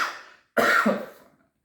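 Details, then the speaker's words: Adult (90.5 kg) still unwell after a week with a cold; coughing causes stabbing pain in an already badly damaged back: a single forceful, harsh cough following a fading earlier cough. "inconvenienced by the cough but now every time I cough I get a [ __ ] stab in the back and that's not fun it's not fun at all"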